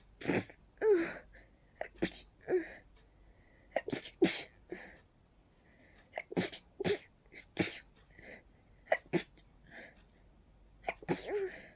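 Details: Rapid run of about a dozen sneezes with short gasping inhalations between them, so fast the sneezer could barely catch breath; sneezing fit blamed on pollen.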